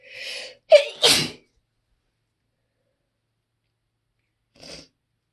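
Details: Loud, big sneezing fit: a sharp inhaled catch followed by two explosive sneezes in quick succession, then a softer sniff after a pause.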